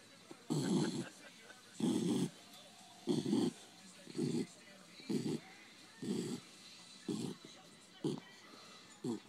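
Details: Asleep on a lap after a hard day outside: rhythmic low rattling snores, about 48 a minute, each a short vibrating burst with quiet gaps; snoring.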